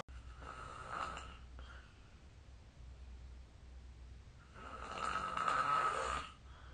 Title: 🐽 Snoring Sleep Sound